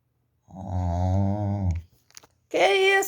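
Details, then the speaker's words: Sleeper snoring around 8 a.m. before being woken: a loud, low, rumbling snore on the in-breath, then after a pause another harsh snoring breath. "Você tá roncando? Hein? Vamos acordar, vamos?"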